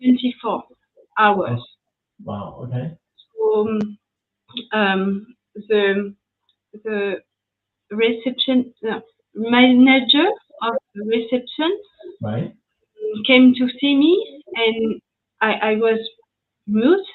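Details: French woman with post-stroke aphasia after an ischemic stroke at age 22 in 2011; she was mute for 10 days, had a year of rehabilitation, spoke very badly even in French, and is still recovering; speaking English here.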